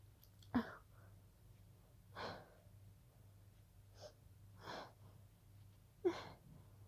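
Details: Stifled sneezing fit that began as a pollen allergy: a series of quick, breathy, held-back sneezes with short gasping breaths between them against a low hum.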